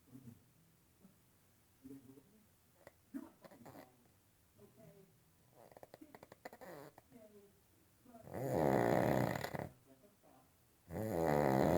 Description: Loud snoring